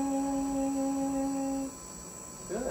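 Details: Normal sustained 'e' from a healthy female speech-language pathologist after a bite of cracker, with a rigid laryngoscope back in place through the mouth.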